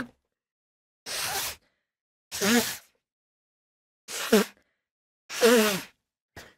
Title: sneezing cutely